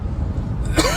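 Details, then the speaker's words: Single short, sharp adult cough at the end over steady low vehicle rumble, from a storm chaser who is unwell and coughs periodically to clear his chest. "You'll hear me coughing periodically to kind of clear up my, you know, chest area."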